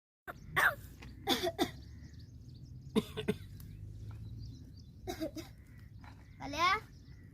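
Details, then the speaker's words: Talking crow outdoors, owner says it has a cough: a few short, harsh cough-like bursts, then a rising caw, over quiet outdoor noise. "काल्या काय करतो तू खोकला आलाय का रे खोकला आलाय का"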